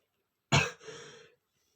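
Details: Male: a single sharp, explosive burst with a short breathy trailing tail, part of a sneezing attack. Sneeze.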